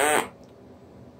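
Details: Electrolarynx buzz from a TruTone Emote device, demonstrating inflection and emotion in the voice, used by a speaker who had radiation and chemotherapy.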